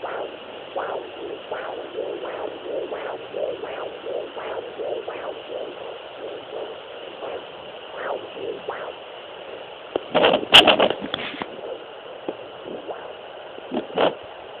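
Rapid, soft whooshing pulses over steady Doppler hiss, with a burst of scraping probe noise near the end; a fetal heartbeat.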